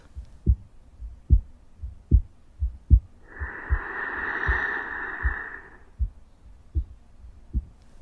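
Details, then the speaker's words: Recorded real-life heartbeat and breathing played by a soothing sleep doll for babies: steady low heart thumps about 76 per minute with one long, slow, calm breath; normal heartbeat and breathing. "the doll plays the sound of breathing and heartbeat for up to eight hours so babies and children can sleep with it throughout the night"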